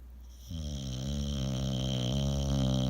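One long, steady, buzzing snore that rises and holds, with a droning tone through the breath.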